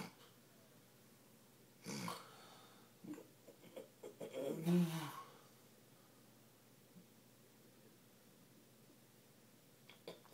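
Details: Man asleep in a hotel room: low rattling breath sounds, loudest in one long snore in the middle, over a quiet room hum; snoring.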